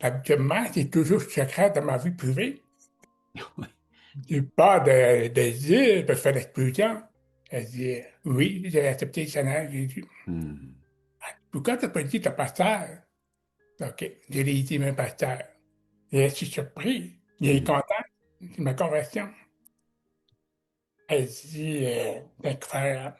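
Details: Adult man with severe-to-profound deafness, speaking French; deaf speech.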